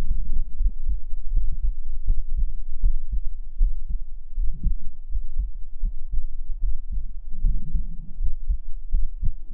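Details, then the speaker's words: Steady, regular low thumps of an adult heartbeat with a faint background hum, played for listeners for about a minute during a livestream. "再给你们听一下心跳，再听个一分钟啊，再给你们听个一分钟，我们就吃个什么跳跳糖什么的。"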